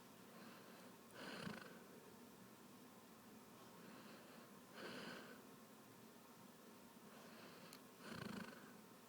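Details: Soft rhythmic snoring breaths, about three in nine seconds (roughly 18 a minute), in a quiet room; snoring during sleep.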